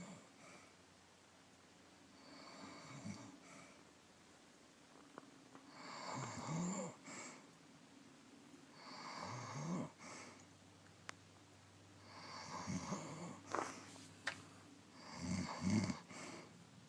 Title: This is my mother snoring.